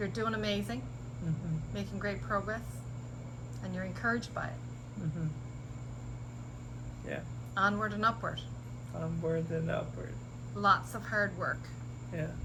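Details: Adult speakers in conversation; no speech disorder.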